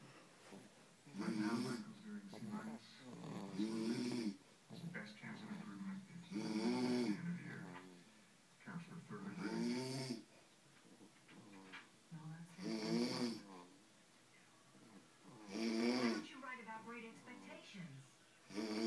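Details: 6-week-old baby boy snoring: loud, rattly, voiced snoring sounds recurring about every three seconds, around 20 breaths a minute.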